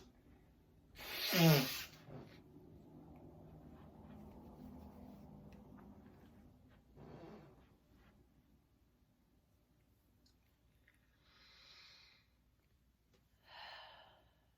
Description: Woke up feeling sneezy today from wildfires #sneezing